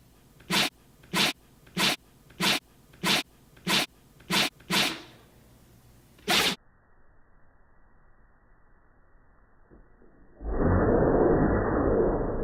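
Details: Repeated dog sneezing: about nine short, sharp sneezes in a regular rapid series, then quiet room noise and a burst of rustling.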